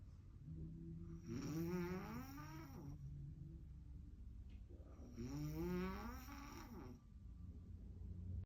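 Two loud, deep, rattling snores on inspiration, about 15 breaths a minute, with quiet exhalations between them. This is heavy snoring.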